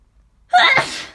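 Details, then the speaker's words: Sneeze from an adult suspecting a cold or flu, sneezing all morning with aches, sore throat and headache: a single sudden, loud, breathy sneeze burst after silence. "I need to. I've been sneezing like this all morning. I don't know. What's wrong with me?"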